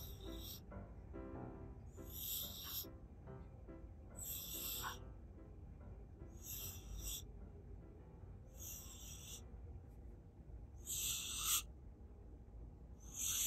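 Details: Male Minuet (Napoleon) cat, sitting on a sofa with eyes wide open, possibly asleep or sleepwalking, snoring: soft, hissy breaths about every two seconds, growing louder, over background noise and faint music.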